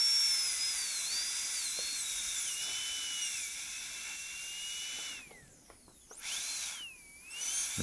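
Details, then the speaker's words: Dental drill with diamond bur, whine rising and falling, stopping and restarting, reducing the inner functional cusp during gold onlay preparation of tooth #18 on a typodont in a dental school simulation lab. "so now i want to move inside and do the same thing so we'll use our diamond for this"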